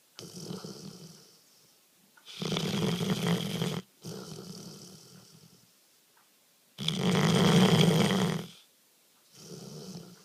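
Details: Sleeping dog snoring loudly: a rough rattling snore on each in-breath and a softer sound breathing out, about 13 breaths a minute.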